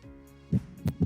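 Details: Simulated patient with no chest pain, auscultated in a virtual reality nursing simulation at Erb's point, one of five heart auscultation landmarks: normal heart sounds.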